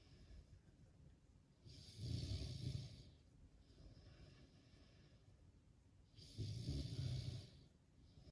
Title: Snoring😴 or Heavy Breathing😮‍💨 Please Leave a Comment